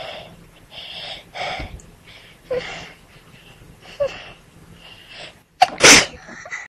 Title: Trying to not sneeze!